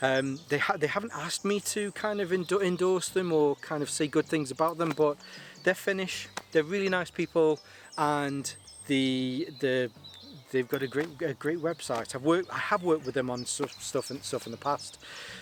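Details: Adult male with a stammer he links to his anxiety, lingering but improving; stuttering.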